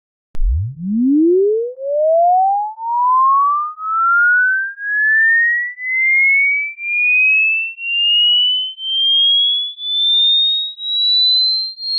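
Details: Hearing test: a steady pure tone sweeping smoothly from very low to high pitch, a hearing-range test sweep.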